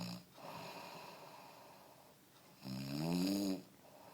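A loud, rough, fluttering snore on the breath in, following a quieter breath, typical of ordinary heavy snoring.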